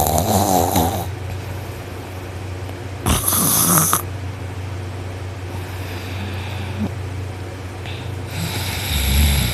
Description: I fell asleep laying on my back with my arm threw over my head. I'm so noisy!!! My snoring is awful!